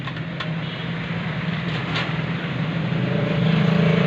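Steady low motor hum with a fast rattling buzz, rising slightly in loudness: a nebulizer compressor running after repair.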